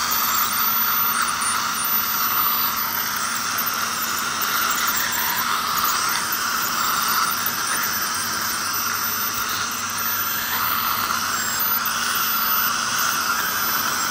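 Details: Ultrasonic dental scaler removing heavy tartar and stain during teeth scaling: steady high-pitched whine and hiss with suction, running continuously.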